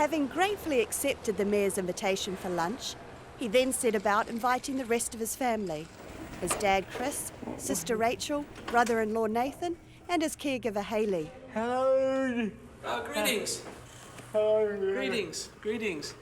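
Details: Adult narrator; normal speech.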